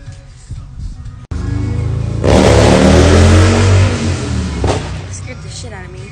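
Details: Girl burping after drinking a carbonated drink: a long, loud, low rumbling belch lasting a couple of seconds, with music and car engine noise in the background.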